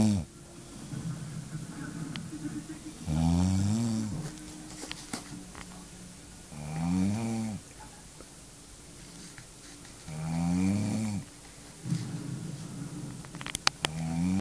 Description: a night in with my girlfriend. she never snors but this night it was like the living dead.